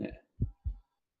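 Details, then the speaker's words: Dull, low thumps from an adult man's jaw clicking while he eats, said to sound like a beating heart; temporomandibular joint click. "one of the ways I like to torture my comrades is with my clicking jaw while I'm eating"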